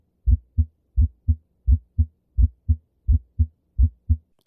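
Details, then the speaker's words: Regular heartbeat near 86 a minute, first heart sound split into two close components, heard on inspiration and expiration: split first heart sound. "расщепление как правило выслушивается на вдохе и на выдохе прослушайте"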